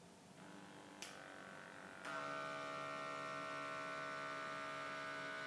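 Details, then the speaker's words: Automatic arm-cuff pump inflation on an iHealth Feel BP5 wireless blood pressure monitor: a steady motor whine rising in pitch. The reading is taken without talking, since talking had raised diastolic pressure by about 8–9 points. "Let's do it once without talking, so I'll just go here and press blood pressure, and I'll do a reading without talking."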